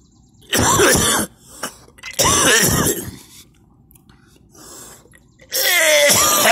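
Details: A person who felt unwell gives three harsh, strained, voiced coughing bursts with a gagging quality, bringing on vomiting; cough with vomiting.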